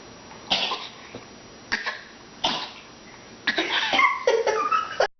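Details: Three separate coughs followed by a rapid voiced flurry of coughing in a quiet small room.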